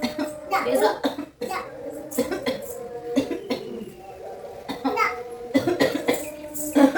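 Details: A mother fakes repeated short coughs as a prank, pretending to be sick, to see her baby's reaction; child voices, laughter and music are also heard. Feigned cough.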